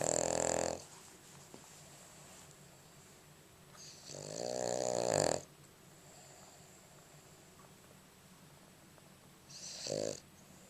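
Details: Boston Terrier asleep, recorded with a Flip Video camera: repeated buzzing, fluttering snores with quiet breathing between them against steady room hum; snoring in a short-nosed dog.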